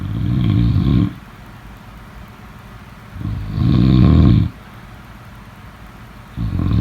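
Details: Snoring during sleep: loud, low, rattling snores about every three seconds, roughly 19 a minute, with quiet breathing between them.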